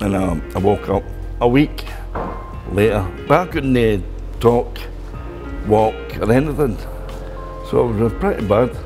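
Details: Adult man after a stroke in 2010 who could not talk at all at first and had to relearn speaking; aphasia after stroke.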